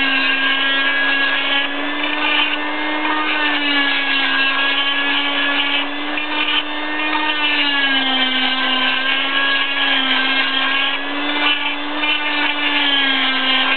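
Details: Cast saw removing an arm cast 6 weeks after a snowboarding right wrist fracture: steady high buzzing whine of an oscillating saw cutting the plaster, which was then pried open.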